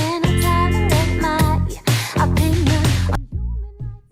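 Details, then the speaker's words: Simulation of how a child with moderate conductive hearing loss hears speech. "This is moderate. This is how the child is hearing."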